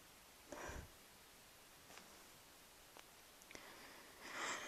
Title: A few more sneezes